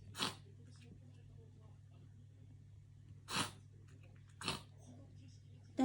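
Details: Cat with an episode the owner cannot identify, unsure whether it is a cough or a reverse sneeze: three short, sharp bursts of air several seconds apart over a steady hum.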